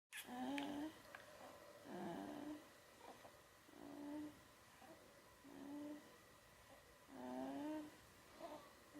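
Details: 4-month-old infant asleep: soft, regular breathing with a faint buzz on each breath, about 36 a minute; light snoring.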